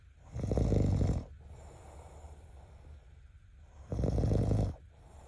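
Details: Two deep, rattling snores on in-breaths about three seconds apart, with quiet breathing between: ordinary snoring.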